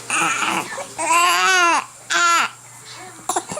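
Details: Infant boy with hiccups, held and kicking, crying in repeated rising and falling wails with short gaps between, faint room noise behind; infant cry.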